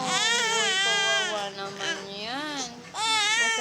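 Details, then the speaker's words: Baby at home after his 5-in-1 vaccine and RotaTeq, parent preparing milk and asking if the injection hurts: high-pitched, rhythmic crying with wavering wails and brief catches of breath; distressed infant crying. "Hwag na mag Cry nagtitimpla na dati ng milk ha Masakit ba yung injection mo masakit yan no"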